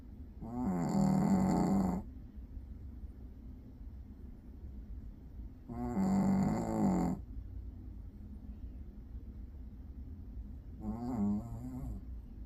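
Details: Dog asleep curled up in an office after not sleeping at home the night before, snoring softly: three rattling snores, each one to two seconds long, separated by quiet pauses.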